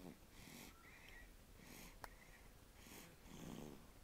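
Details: Dog snoring in sleep: quiet, regular breaths with a whistling, rasping snore on each, about four in four seconds.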